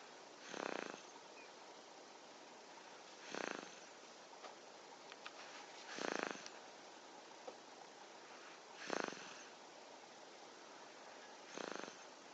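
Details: Sleeping 6-month-old baby boy: five soft, rough, noisy breaths at regular spacing, about 22 a minute, over steady background hiss; infant snoring.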